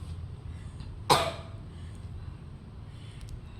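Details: Cough that has not gone away, blamed on heavy lifting: one short, harsh cough burst over low room noise, with no further coughing after it.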